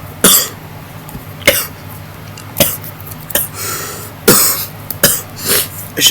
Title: valentine's day is o- coughing coughing